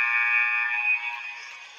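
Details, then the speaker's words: X-ray machine exposure sound played in a children's science lesson: a loud buzzer-like tone under two seconds that fades at the end, likened to the end of a basketball game. "and that one sounds like the end of a basketball game so those are just a few different sounds that you may hear if you ever have an x-ray"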